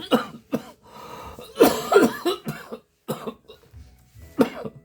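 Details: Repeated forceful coughs in close bursts from an adult pastor with severe rhinitis and a cold with body aches, cough worsening after eating chicken late.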